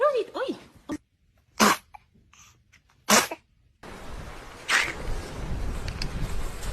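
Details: Baby sneezing: two short, sharp infant sneeze bursts, with room noise, rustling and laughter around.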